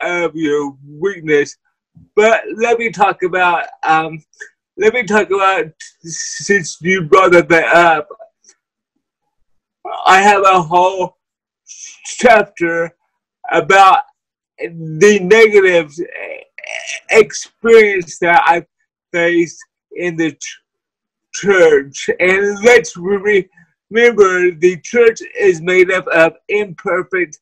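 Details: Person with cerebral palsy: dysarthria (cerebral palsy).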